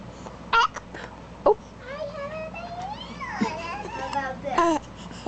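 An infant fusses and cries in short wavering bursts, with a few abrupt catches between cries. Faint room background.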